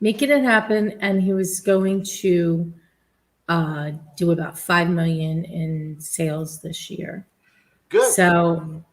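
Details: Adult woman speaking; typical speech.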